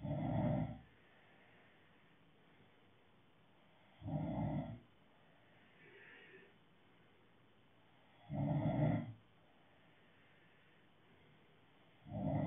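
Loud, rough snores on inhalation, about four a minute, with quiet pauses between them; ordinary snoring.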